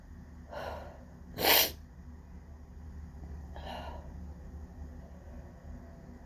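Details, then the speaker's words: Adult in an office on a windy, pollen-heavy day: a gasp, then one sharp loud sneeze and a softer follow-up over room noise, part of a long pollen-related sneezing fit. "Just like, oh my God, that was such an intense fit."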